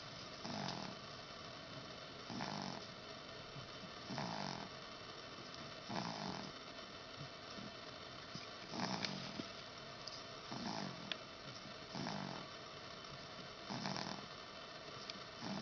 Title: snoring